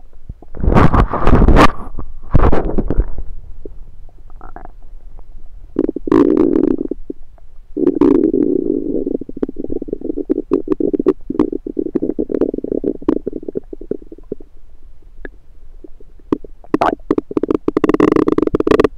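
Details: Bowel sounds (borborygmi) of a rumbling stomach recorded with a USB stethoscope: loud, long gurgling and rumbling with rapid bubbling runs.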